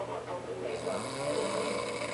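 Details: Man passed out snoring after drinking, in a shared hotel room: a brief, steady rumbling breath sound over a couple of seconds, consistent with snoring during deep sleep.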